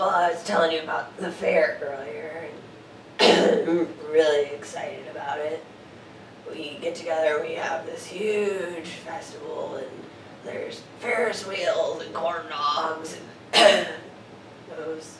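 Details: Adult man in a role-played voice evaluation; hoarseness worse in the morning and when talking with people; clinician notes vocal-fold signs suggestive of laryngopharyngeal reflux; history of gastroesophageal reflux and hearing loss; hoarse voice (dysphonia) with throat clearing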